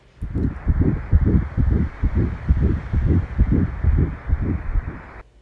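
Fast, steady whooshing thumps of a fetal heartbeat picked up by a Doppler probe at a prenatal check.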